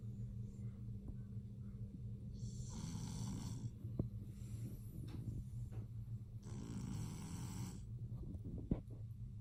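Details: Male lilac BearCoat Shar-Pei puppy snoring: two slow breaths with a rough, rattling snore over a steady low room hum.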